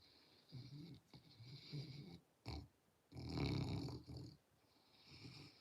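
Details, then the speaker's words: Great Pyrenees dog snoring while asleep, heard during a live conversation. "Yeah, if you can hear the snoring. She's dreamy."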